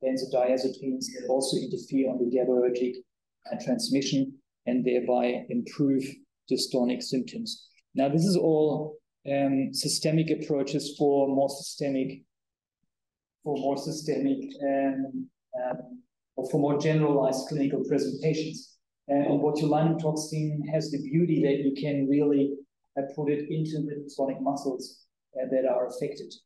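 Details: Adult male speaker; typical speech.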